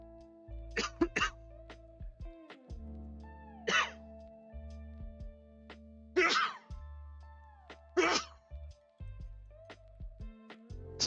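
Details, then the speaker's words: An adult sneezes while chatting on a livestream: several brief, sharp, explosive bursts over steady background music; sneeze. "I really need to get a mute button set up so I can mute whenever I feel a sneeze coming on"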